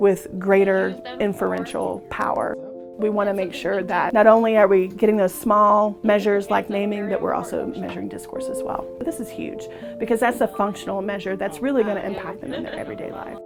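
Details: Adult speaker; normal speech.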